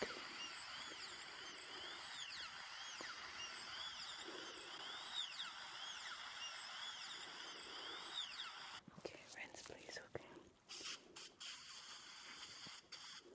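Steady high-pitched dental drill whine, then clicks and suction-like noises; simulated in an ASMR roleplay.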